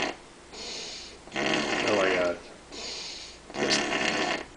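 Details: Loud, rough rattling snores with each breath, about 28 a minute, with quieter noisy breaths between; heavy snoring in a sleeping man.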